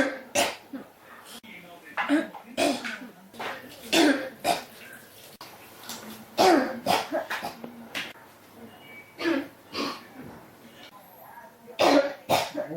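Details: Persistent cough: repeated harsh coughs, singly and in short runs, continuing across the whole stretch with brief pauses; the cough won't stop.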